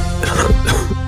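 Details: Two short acted adult coughs over steady background music in an Indonesian TV commercial for a cough medicine.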